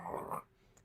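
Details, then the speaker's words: Brief rough snoring breath from a sleeping female dog nearby, followed by a faint high nose whistle; the owner notes her weird breathing; snoring. "i think my dog is over there snoring she has the weirdest breathing i don't know if you can hear she's already like"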